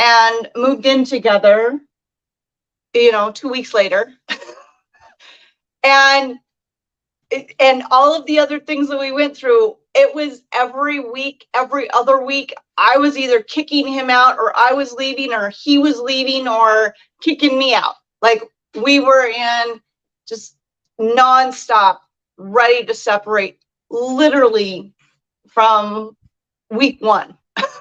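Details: Adult speaker; normal speech.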